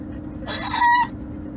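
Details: Adult woman (the poster's mom) in a painful hiccup episode, saying it hurts: one loud, abrupt, squeaky voiced gulp with a sharp catch, a forceful hiccup.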